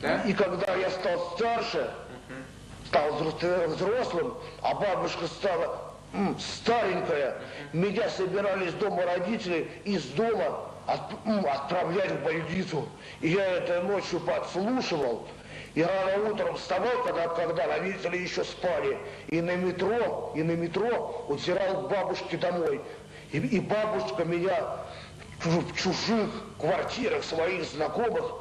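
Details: Adult man with mild intellectual disability (debility), recorded in a 1995 psychiatric interview film that notes thinking and speech are impaired together; speech impairment in mild intellectual disability.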